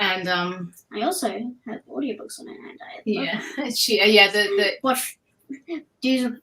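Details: Cluttering, recently resurfaced, in an adult woman who also has autism, ADHD, dyspraxia and anxiety.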